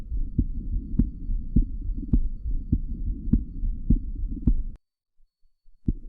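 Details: Pediatric heart sounds from a child's chest: regular heartbeats at about 105 a minute over a low hum.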